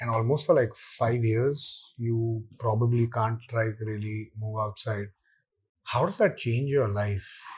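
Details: Male survivor of stage 4 vocal cord (throat) cancer, surgery in 1997 (about 10,000 days earlier) removed his natural voice; speaks with an electrolarynx device; electrolarynx speech.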